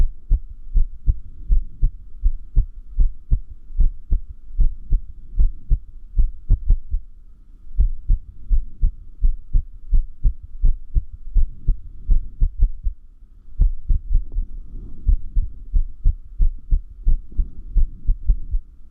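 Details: Irregular heartbeat at about 80 a minute, low thumps with uneven spacing and pauses; arrhythmia, which reportedly increases with lack of sleep.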